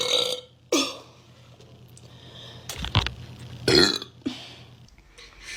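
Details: Two girls burping: a few loud throaty burps with brief voices and room noise between them; belching.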